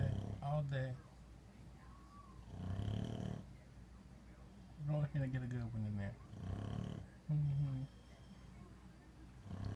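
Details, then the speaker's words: Loud, low, rattling snores with each breath, roughly every two to three seconds, from a large dog; heavy snoring. "This dog snores louder than a fucking human, okay? This is what we listen to."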